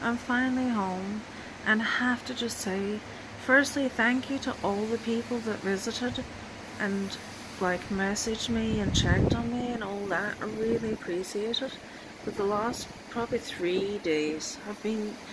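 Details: Woman with long-standing chronic illness, dystonia, tics and seizures, speaking through lockjaw with a transient accent that appears after seizures and comes and goes; foreign accent syndrome.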